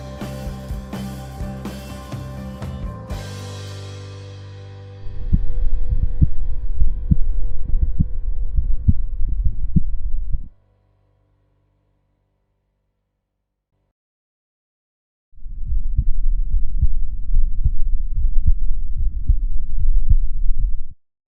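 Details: Adult's own heartbeat recorded through a DIY electronic stethoscope (stethoscope head connected to a microphone, non-diagnostic): low, muffled thumps consistent with normal first and second heart sounds.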